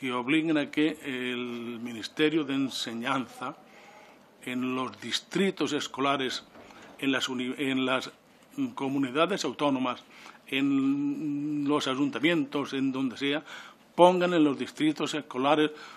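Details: 69-year-old adult man with self-reported real stuttering, speaking in person at a parliamentary commission; he says he takes longer to say things than to think them; stuttering.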